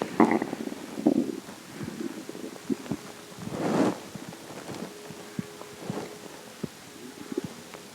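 Irregular gurgling rumbles and squeaks from the belly: stomach growling, a normal sound of gas and fluid moving through the gut.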